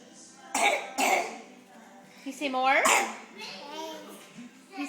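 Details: Young child gives two short, sharp coughs, then makes high-pitched vocal sounds.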